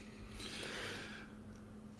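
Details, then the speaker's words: Cat gives a single quiet, hissing sneeze over a steady low electrical hum in a small room; sneeze. "sound was my cat sneezing."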